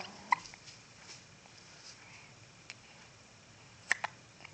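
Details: Infant boy resting in a Boppy pillow with hiccups, also sneezing: two soft, sharp hiccup clicks about 3.5 seconds apart with faint extra clicks in a quiet room; hiccups.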